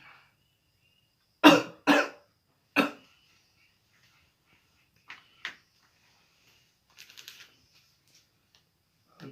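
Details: 18-year-old male patient in a nursing demonstration of deep breathing and effective cough: after a deep breath and hold, three strong, deliberate controlled coughs in quick succession to clear the airway, then quiet.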